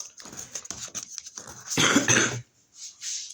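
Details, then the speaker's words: Adult woman with a bad cold and tracheitis, hoarse voice and sniffling, coughs: a run of short, rough coughs building to a louder, harsher cough. "Je suis désolée, je suis très enrhumée. Ça passe pas, j'ai une trachéite et ce qui explique ma voix, mon nez et que je tousse et que je renifle."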